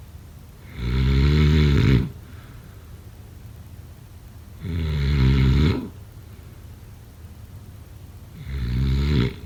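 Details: Snoring during sleep: loud, deep, fluttering snores on three in-breaths, about 16 a minute, separated by quiet exhalations.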